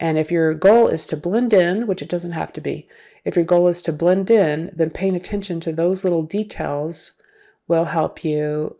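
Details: Adult woman speaking; typical speech.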